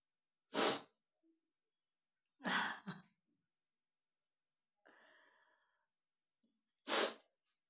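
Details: Sneezes deliberately set off by tickling the nose with paper: three sharp sneezes with a breathy sigh between them; a harmless reflex.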